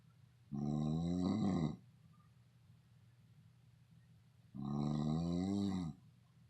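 Two loud, drawn-out, rattling snores separated by quiet pauses, typical snoring.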